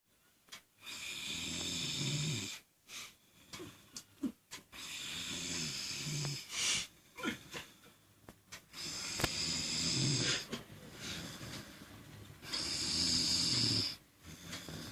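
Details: A Sindhi man snoring after drinking: loud, rough snores with each breath, about 17 a minute, with a whistling edge on some breaths; heavy snoring.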